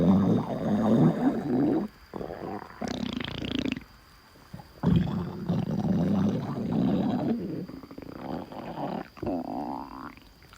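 Long low gurgling rumbles with short pauses, rising into a brief squeak near the end; ordinary stomach growling.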